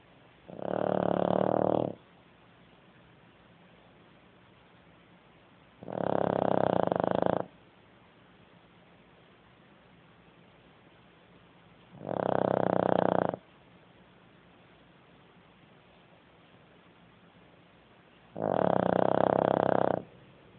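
Four loud, rattling snores on inhalation, about every six seconds, roughly ten breaths a minute, with steady hiss in the background.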